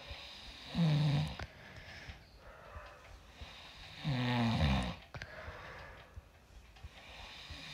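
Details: Husband snoring: two deep, rattling snores a few seconds apart over a noisy room background; ordinary loud snoring.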